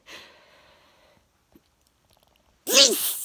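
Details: Adult sneezing at 3:10 a.m. after a long weekend in hot September weather: a soft, breathy lead-in, a pause, then one loud, explosive sneeze.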